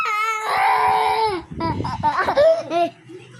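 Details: A young child, possibly a twin, cries in long wailing sobs with catching breaths after fighting with mommy; ordinary crying.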